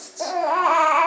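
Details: Two-week-old newborn girl who has just woken and is being put into a baby wrap to sleep: a brief, rising, strained cry after a soft fuss, ordinary fussing while being settled.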